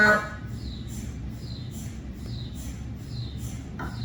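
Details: Cardiac MRI scan recorded inside the MRI room on a GE 3T Twinspeed scanner with an 8-channel high-definition cardiac coil and test phantoms (no patient): rhythmic chirping pulses about every 0.8 s over a low rumble, MRI gradient noise.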